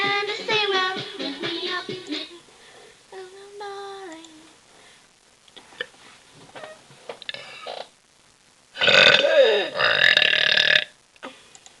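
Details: Sung or hummed notes, then a loud, drawn-out burp lasting about two seconds; an ordinary belch.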